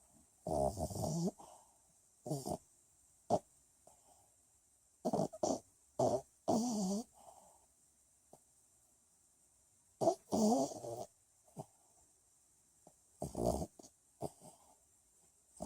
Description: My sweet little snoring pup